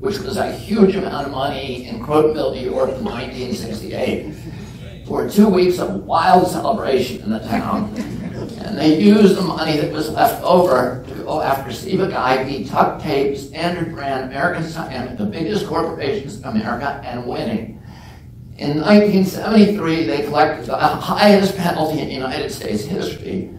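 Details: Spasmodic dysphonia in an adult man, self-reported as spasmodic dystonia with onset at age 42 causing voice tremble; he says it is painless and lessens or goes away after speaking a while.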